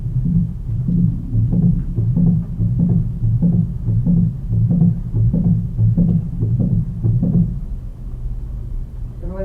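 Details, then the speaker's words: Mitral valve prolapse: regular heartbeats with three sounds instead of two, a subtle systolic click and a very soft late systolic murmur. "got that I know it's subtle but there was three sounds there not just two and the murmur was hard to hear it was really soft but there was a little bit of Mur there"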